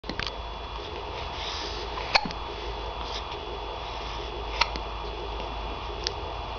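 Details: Hiccups recorded April 22, 2007: three brief sharp hiccup sounds, irregularly spaced over about six seconds, in a quiet room with steady background hum.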